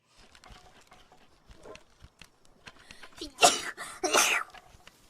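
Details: Sneeze from a VTuber: a quiet room with soft clicks, then a sudden, sharp, high-pitched sneeze in two bursts.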